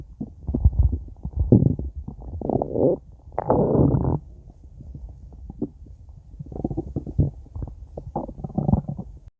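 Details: Stomach growling (borborygmi): long, low rumbling and gurgling stretches with bubbling pulses.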